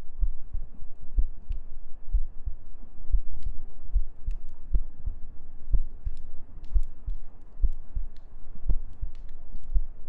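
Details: ASMR sleep-aid recording of soft, regular low heartbeat thumps at roughly 80 per minute under faint humming and gentle breathing; normal resting heartbeat.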